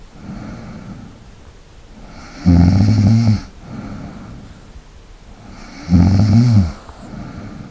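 Two loud rattling snores on breathing in, with quieter breathing between: snoring during sleep.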